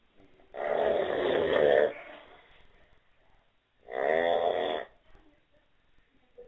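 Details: Person with terrible snoring: two loud, harsh, rattling snores on inbreaths about three seconds apart, with quiet breathing between.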